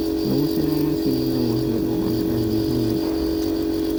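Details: Nebulizer compressor running during a nebulizer treatment given for cough: steady motor hum, with a child's voice rising and falling over it.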